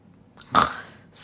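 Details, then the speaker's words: Single short, voiced burp performed as a demonstration of an English vocabulary word for body sounds. "Hiccup. Hiccup. Hiccup. Burp. Burp. Burp."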